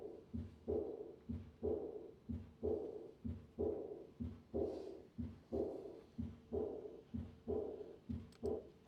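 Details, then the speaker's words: Aortic regurgitation: three normal beats, then a high-pitched diastolic decrescendo murmur at the third or fourth left intercostal space; regular heartbeat near 62 a minute, soft blowing murmur fading after each beat. "The classic murmur of aortic regurgitation is a diastolic a crescendo murmur usually heard in the third or fourth left intercostal space. This murmur has a high pitched character."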